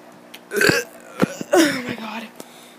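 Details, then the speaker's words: A child deliberately burps for a burp video: a few short voiced belches, one drawn out with falling pitch, with quiet room noise between them. "what is up i'm gonna be doing a burp video finally finally okay okay"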